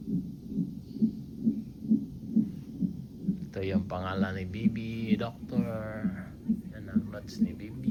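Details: Fetal monitor in a hospital before the mother's planned surgical (cesarean) delivery: rapid, regular whooshing thumps at about 130 per minute, with brief speech over it; fetal heartbeat.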